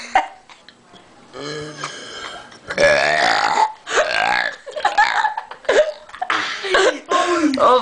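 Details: Males doing deliberate burps: several long, loud burps with laughter between them; repeated burping.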